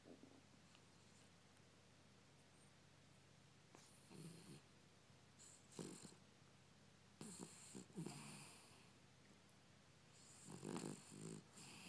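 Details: Snoring: several soft, rough snoring breaths with snorting noises over low steady room hum.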